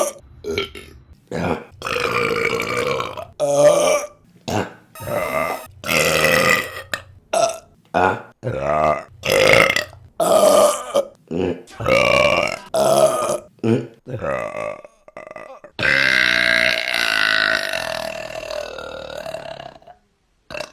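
A rapid series of loud, open-mouthed belches, ending in one long drawn-out burp: repeated voluntary burping.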